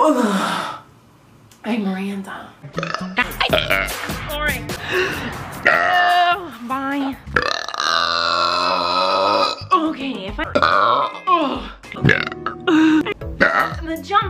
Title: Burps Part 2